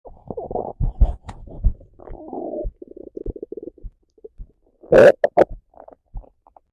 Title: Hungry Stomach Growl